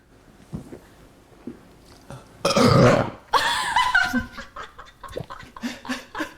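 A loud, long, rumbling belch followed by a second burp and laughter in a small room; deliberate burping.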